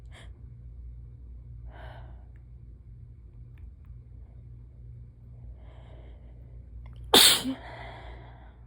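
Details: Sudden sneezing fit that started slowly and picked up: quiet breathy intakes build up to one sudden loud sneeze; an ordinary sneeze.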